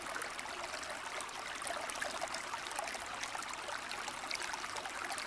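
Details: Nature sound from a hearing aid's tinnitus relief program, used as tinnitus sound therapy.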